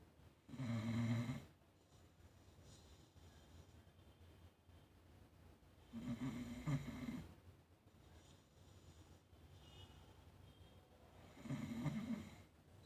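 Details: Pepper snoring: three slow, low snores at about 11 breaths a minute, with quiet room noise between them.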